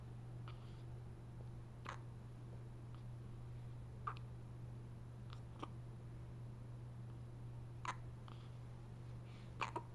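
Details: Brief, sharp hiccups recurring every one to two seconds, about eight in ten seconds, over a steady low room hum; hiccups.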